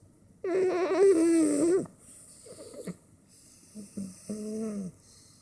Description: This is Bit. She is a fat cat who snores and purrs very loudly.